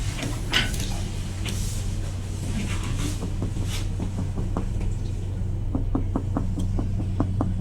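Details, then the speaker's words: Abdominal percussion on an adult male patient in a nursing assessment demonstration, tapped in each of the four abdominal quadrants, producing the normal tympanic note. "Yang pertama yaitu perkusi abdomen dilakukan dua sampai kali pada keempat kuadran abdomen. Normalnya akan terdengar suara timpan."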